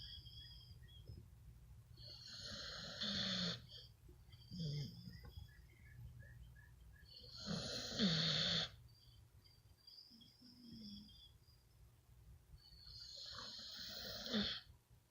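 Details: Female bully-breed dog snoring loudly in her sleep, with harsh, hissing, rattling snores and snorty breaths between; she reportedly gets louder as it goes on.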